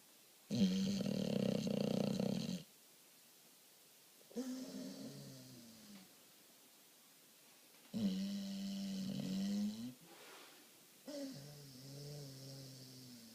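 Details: American Bulldog snoring: loud, rattling, rasping snores in long drawn-out breaths, about four cycles in thirteen seconds, with growl-like vibration; snoring.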